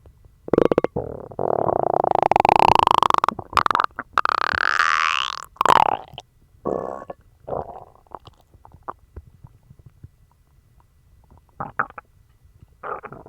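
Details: Person with a bellyache and loose stools after eating dog treats: loud, long gurgling and squealing bowel rumbles with rising and falling pitch, then shorter gurgles. Active stomach growling (borborygmi).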